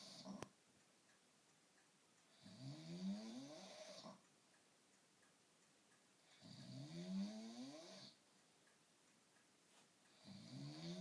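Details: Snoring during sleep: rough, rattling snores on each inhaled breath, about 15 breaths a minute, with quiet pauses between them.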